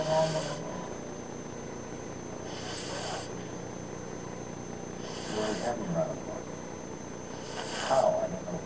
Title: Snoring